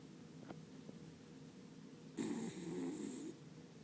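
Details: Sleeping, dreaming Beagle dog snoring: soft breathing, then one longer rumbling, whistling snore-like breath; ordinary snoring.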